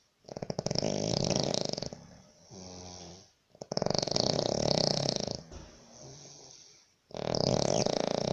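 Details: Sri Lankan person snoring in a labour camp room in Baniyas, Abu Dhabi, UAE, disturbing roommates: loud, harsh, rattling breaths alternating with softer buzzing phases on a clipped, close recording; heavy snoring.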